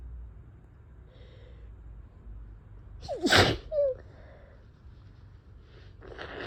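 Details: Person with a sneezy head cold of a few days; blowing the nose worsened the tickle and set off wet, messy sneezes.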